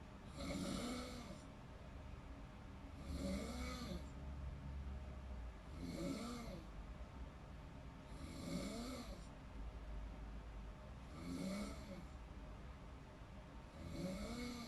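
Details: Person snoring in deep sleep: regular rattling snores on each breath, about 22 breaths a minute, with low room hum.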